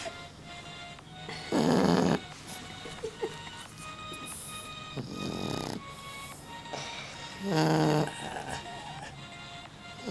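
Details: Sleeping dog snoring: two loud rattling snore bursts a few seconds apart, with a softer breath between, over background music.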